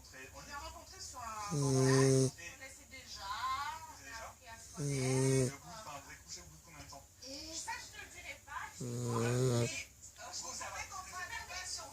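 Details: Loud, rough, buzzing snoring on each in-breath, about every three seconds, with television talk in the background; ordinary loud snoring from a small Staffordshire terrier (Staffie) described as worn out.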